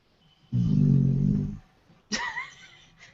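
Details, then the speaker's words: A sleeping dog gives a single low, rumbling snore followed by a brief higher squeak in a quiet room. "what's Jessie that is either the snoring or my stomach and I'm pretty sure that's the snoring"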